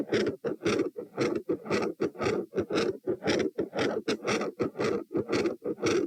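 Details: Heart sounds at position T, 114 bpm: first heart sound (S1) initially varies in intensity with breathing, waxing and waning, then becomes consistently loud.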